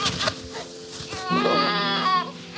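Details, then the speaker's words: Strong, vigorous cry of a newborn boy just after birth at a maternity hospital, over quieter room sounds; reassuring to hear right after delivery. "Once we heard him crying, it was just like the whole way just lifted off my shoulders"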